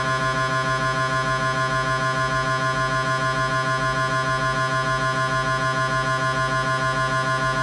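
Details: Siemens MAGNETOM Lumina 3 T MRI scanner running an abdomen imaging sequence: loud, continuous rapid buzzing pulses at about 200 a minute.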